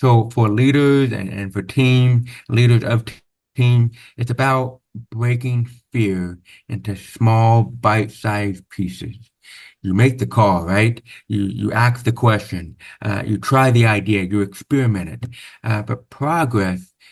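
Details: Man born with severe-to-profound hearing loss (about 90%) who had over 13 years of speech therapy; deaf speech (speech of a person with profound hearing loss).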